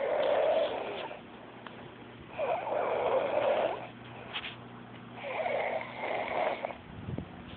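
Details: Cousin deeply asleep, snoring: rough, rattling snores on inspiration, irregular, about three over seven seconds, with a steady low hum behind; snoring.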